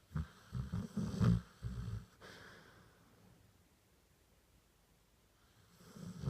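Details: Golden retriever asleep on a bed: low, fluttering snore bursts on a breath, then quiet breathing with faint room noise; loud snoring.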